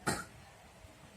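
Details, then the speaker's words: Woman coughing for about seven months, during a traditional healing session: a single short, harsh dry cough burst, then quiet; she is given warm water. "Batuk kering. Saya air dibawain tenang Bu. Kasih air."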